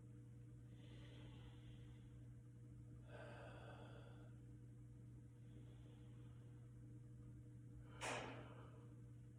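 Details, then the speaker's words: Normal bronchovesicular breath sounds heard over the client's back by a student nurse during a respiratory assessment; soft airflow, one full breath in and out of similar length over a steady hum, no crackles or wheezes. "all right so those were the bronchial sounds next i'm gonna listen to the bronchovascicular sounds"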